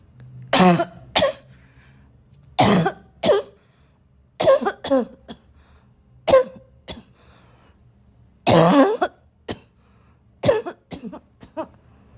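Loud, harsh coughs come in repeated bursts with short pauses and some throat clearing, a coughing fit.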